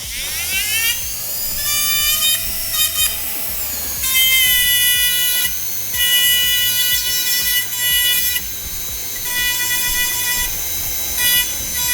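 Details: A dental handpiece starts and runs in bursts with a high-pitched whine while polishing a composite abrasion-cavity restoration with a Soflex disc.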